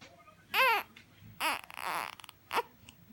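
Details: An infant waking up, crying with three short wails and hiccuping, with soft breaths between, in a quiet room.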